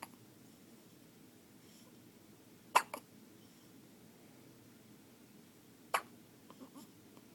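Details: New baby boy hiccuping: two abrupt, sharp hiccup sounds a few seconds apart, each with a small echo catch, over quiet room noise; infant hiccups.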